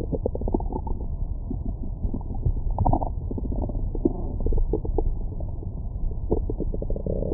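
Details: Stomach recorded with a Stemoscope stethoscope microphone after a large meal: muffled low gurgles, rumbles and brief squeaks, ordinary stomach growling, normal bowel sounds.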